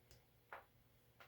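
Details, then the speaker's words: Three brief sharp clicks in a quiet room, a crack-pop of the shoulder joint with movement, described as a damaged shoulder; shoulder popping (joint crepitus). "Ooh, hear that crack pop. Shoulder popping. Me damaged."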